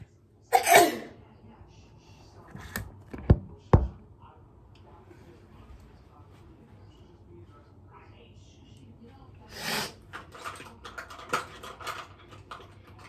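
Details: Repeated sneezing: a sharp sneeze burst, then a few smaller bursts and a second sneeze later, with quiet room noise between.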